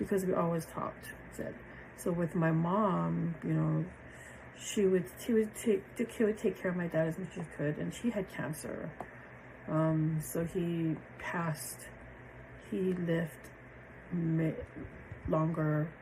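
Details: Aphasia in a woman after a stroke on January 8, 2023; she initially had trouble understanding, reading, finding words and remembering numbers, and has since improved greatly.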